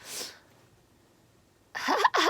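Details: Adult female singer sneezing during a live stream: a single sharp sneeze burst, then a pause and brief vocal sounds; an ordinary sneeze.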